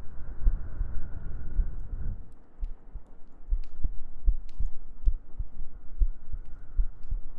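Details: ASMR heartbeat recording for sleep: steady, soft, low thumps at roughly 80 beats a minute under faint humming and gentle breathing, a normal heartbeat.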